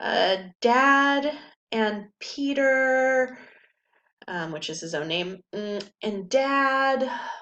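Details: Lecturer reading aloud a quoted example of Wernicke's aphasia speech, aphasia from damage to Wernicke's area in the left temporal cortex; fluent, rapid, grammatical but meaningless; Wernicke's aphasia (fluent aphasia).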